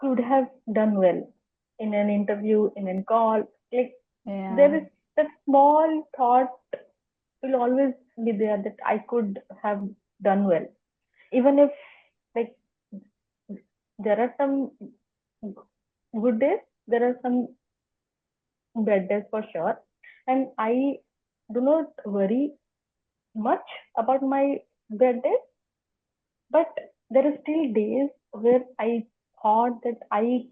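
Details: Adult woman who has stammered as long as she remembers, in spontaneous podcast interview speech: stuttering.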